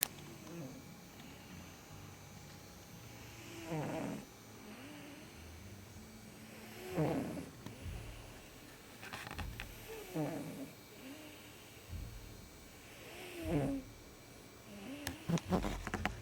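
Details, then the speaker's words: Sleeping cat snoring: soft, rhythmic, lightly rattling snores, about four breaths over sixteen seconds, in a quiet room; owner remarks she hears the cat snoring. "You sleeping hard, Ma? I hear you snoring."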